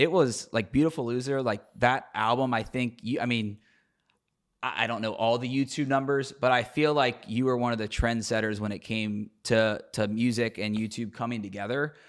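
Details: Adult man speaking; typical speech.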